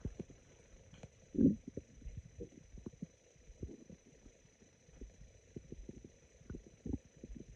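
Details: Very sparse, raspy stomach growls: low gurgles and rumbles over a faint steady hum, gas and fluid moving through the gut; ordinary bowel sounds.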